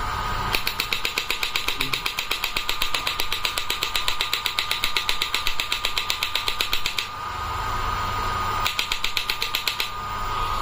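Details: Biotronix electromagnetic shockwave therapy unit running (treatment modules such as elbow, knee, shoulder, ED; energy up to 200 mJ): rapid regular clicking pulses, about 2–3 per second, over a steady electrical hum.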